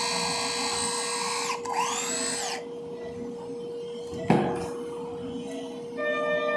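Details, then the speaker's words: Whirring power drill bursts with a sharp clack over a steady tone and background music: redrilling proximal tibial bone for a cortical screw during TPLO in a small dog with cranial cruciate ligament rupture. "Just want to make sure that it's not going into the joint. So it's going quite far proximally. Not happy with that. Redrill."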